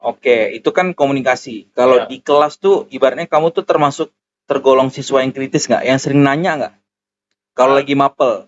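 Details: Adult male speaker; normal speech.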